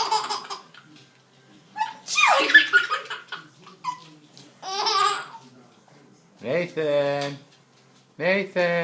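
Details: Adult's sudden, noisy, forceful sneeze, followed by a 7.5-month-old baby laughing in bright rhythmic bursts at the sneeze.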